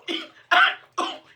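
Three short, sharp coughs in quick succession, staged for comedy rather than from illness.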